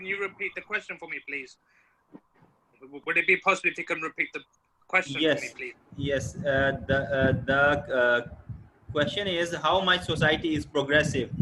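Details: Adult man from the UK who identifies as a person who stammers, speaking on a stammering awareness panel; stammering.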